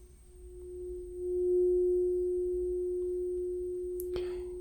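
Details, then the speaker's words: Simulated Rinne test in an ASMR cranial nerve VIII exam roleplay: tuning fork held by each ear and on the bone, patient says when sound stops; tuning fork tone, air conduction. "just tell me when you hear the sound and when you don't hear the sound okay excellent okay so we're going to do this year first"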